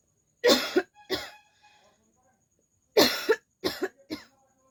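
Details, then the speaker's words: Cough, presented as real coughing: five short, forceful coughs from an adult in two bouts, two then three, with a brief pause between. "और start करने से पहले मुझे खासी आ रहा है तो चलिए गाइस"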